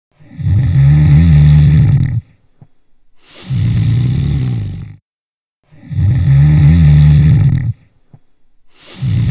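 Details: Snoring: noisy breathing during sleep, framed as caused by narrowing of the airways during sleep, which creates air turbulence; discussed alongside sleep apnea.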